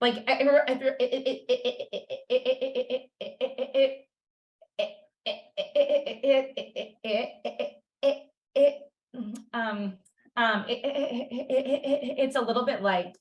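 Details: Adult who stutters, originally from China, first-year PhD student, with a past of covert stuttering behaviours; repetitions heard; stuttering.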